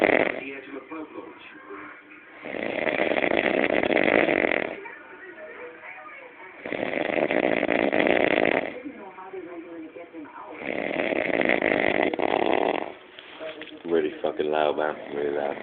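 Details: Adult man snoring heavily in deep sleep at about 6 a.m. after passing out while waiting for pizza: loud, harsh rattling snores on each breath, roughly every four seconds, with a gurgling quality.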